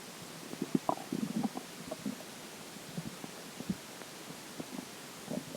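Scattered soft gurgles and bubbling pops over steady background hiss; normal stomach gurgling after drinking water.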